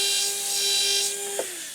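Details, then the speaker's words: Steady high-pitched whine of a 1.2 mm pilot drill, pitch dropping at the end, pumped in and out along the ridge to prepare a maxillary implant osteotomy in a foam jaw model for SATURNO narrow diameter implants. "now first step is we go ahead and take our 1.2 mm pilot drill with the proper angulation I'm going to angulate here following the ridge morphology and slowly pumping in and"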